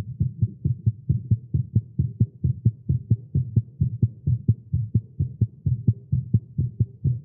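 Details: Male's rapid, steady low thumping heartbeat at about 130 beats a minute, recorded live after exercising with caffeine; tagged irregular heartbeat; tachycardia.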